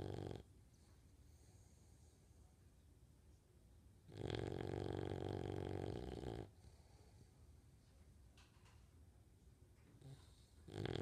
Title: Pearl the bulldog snores while awake